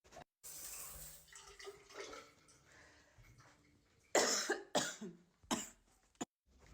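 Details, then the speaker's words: Adult in week 4 of a persistent cough unrelieved by medicines, steam or sleeping upright: four sharp, forceful coughs after a stretch of running water and quiet room sound. "this cough, I'm on week 4, is no fucking joke. And nobody can give me a way to make it stop."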